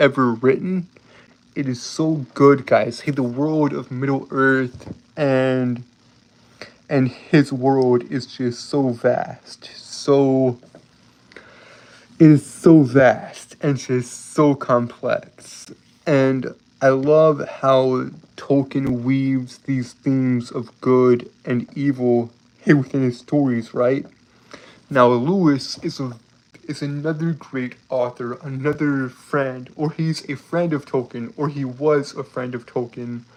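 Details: Lifelong stuttering, described as a speech impediment and disability, in a man with a slight southern accent.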